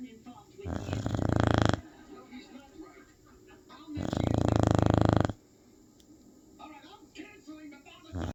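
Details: Two long, loud, rattling snores on inhalation, each about a second, with quiet breathing and faint room noise between, from a sleeping female dog; loud snoring.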